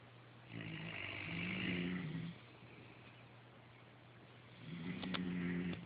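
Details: Low, droning snore on two breaths in with a quiet pause between, over faint room hiss; ordinary snoring.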